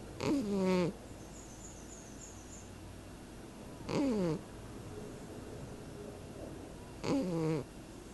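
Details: Three short, rattling, whiny snores about three seconds apart, roughly 18 a minute, from a sleeping cat against quiet room noise.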